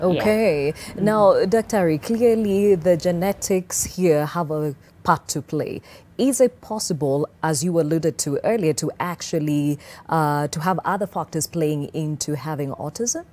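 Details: Adult host speaking; typical speech.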